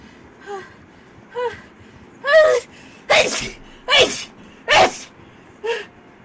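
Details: Girls sneezing rapidly: a quick run of about five sneezes, each preceded by short catching inhalations.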